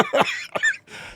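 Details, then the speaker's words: Quick run of about three harsh, explosive adult coughs close to the microphone during a live stream. "Oh my God, I'm sorry I'm coughing in y'all's ear right now, but oh my God."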